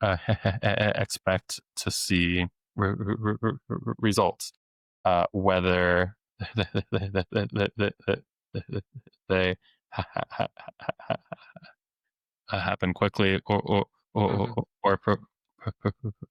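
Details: Adult man who has stuttered since age eight, with years of speech therapy, now a speech-language pathologist deliberately letting his stutter show; repetitions of sounds, words and phrases; stuttering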